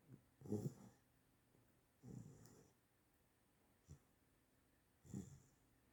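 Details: 8-week-old chocolate Great Dane puppy asleep and dreaming, tired after a walk around the yard; soft, low snuffling snores and snorts, four breaths in six seconds, with faint whimpering; puppy snoring.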